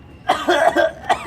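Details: Adult acting out a cough after saying their throat is bad: a short run of about four harsh, voiced, throaty coughs in quick succession, faint room hum; simulated cough.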